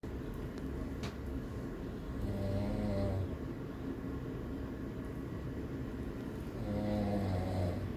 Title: I caught my daddy snoring haha